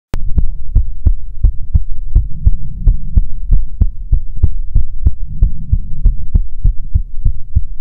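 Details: ASMR heartbeat recording made for relaxation: steady, evenly spaced, muffled heartbeat thumps, deep and bass-heavy, with a low hum underneath; heartbeat.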